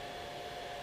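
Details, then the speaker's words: SolidCLEANER ozone CPAP cleaner running with the mask inside, started by holding its button: steady soft whirring hum with a faint tone. "all you have to do is hold this button down for two minutes or two seconds and it starts to create the ozone and the ozone is what cleans the system"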